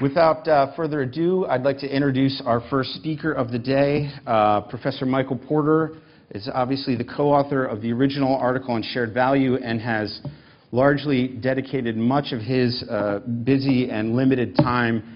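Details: Adult male speaker; normal voice.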